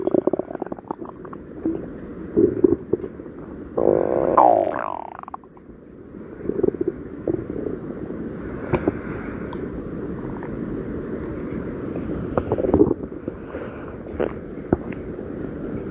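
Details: Stomach growling: low rumbling with a drawn-out squeaky, sliding gurgle and scattered clicks over steady background noise.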